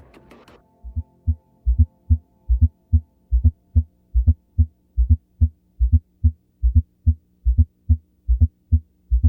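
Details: Recorded heart auscultation: regular heartbeat at about 72 a minute, with a soft low extra sound immediately before each first heart sound; fourth heart sound (S4).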